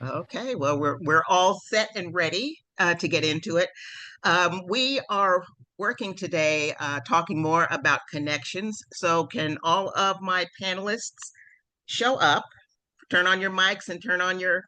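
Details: Adult speaker (panel moderator); Normal fluent speech.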